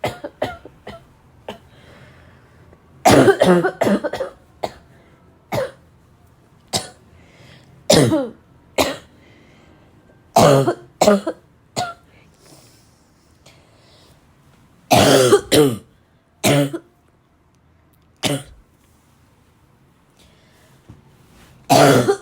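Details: Repeated harsh, dry barking coughs in short bursts, with throat clearing and snorts between them, from a girl.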